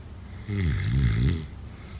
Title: Snoring sounds … #7